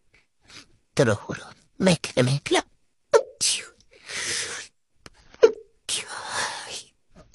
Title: female tiktok rapid sneeze compilation (1)